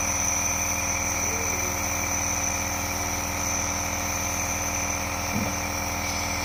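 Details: Nebulizer compressor running during treatment for cold, fever and cough: steady mechanical buzzing hum with fine rapid pulsing.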